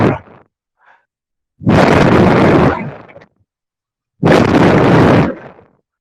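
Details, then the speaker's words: Demonstration of pulmonary auscultation: two smooth, airy breath sounds without wheeze or crackles, air moving freely in and out of the lungs with no obstruction or resistance: normal vesicular breath sounds. "Numa ausculta pulmonar, que é o som da entrada e saída do ar nos pulmões, de maneira livre, sem nenhum tipo de obstrução, né? Ou resistência, que seria mais ou menos assim."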